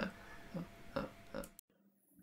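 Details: Man with severe, treatment-resistant Tourette syndrome producing a raven/crow-like vocal tic; the episode lasted two to three hours, hurt his throat, and led to voice loss; vocal tics (Tourette syndrome).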